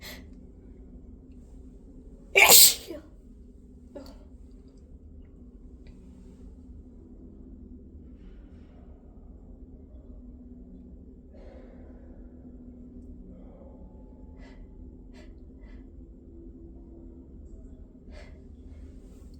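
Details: A single sharp, explosive sneeze, followed by quiet room sound and faint breathing; a sneeze induced by tickling the nose.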